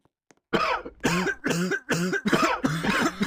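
A run of about six voiced, hacking coughs in quick succession, each with a throaty rasp.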